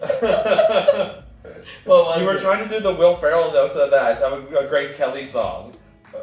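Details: Adult male speaker; normal voice.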